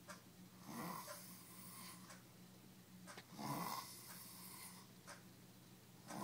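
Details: Person sleeping deeply after drinking almost a handle of vodka: rhythmic rasping snores at about 11 breaths a minute with quiet room noise; snoring.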